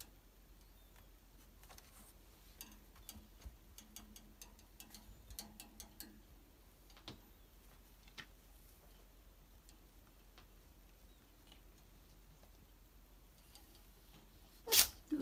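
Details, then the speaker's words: Young rescued tabby kitten with a cold since the shelter cat café, audible nasal breathing, plays with a foxtail toy amid clicks and rustles, then gives a single sharp sneeze. Sneeze from upper respiratory infection in a cat. "すぴーすぴー聞こえるのはあんちゃんの鼻息です^^;保護猫カフェにいるときから風邪を引いていたようです。"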